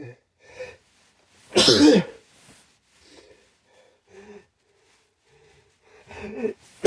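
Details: One loud, wet, explosive sneeze, with sniffs and breaths before it and a second sneeze starting at the end; an induced 'chhinkni' sneeze clearing burning white pepper stuck in the nose.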